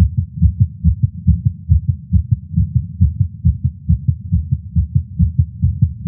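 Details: Male's heartbeat recorded with a Stemoscope while smoking a cigar after not smoking for a while, feeling lightheaded: fast, regular heartbeat, about 140 beats a minute; tachycardia after nicotine.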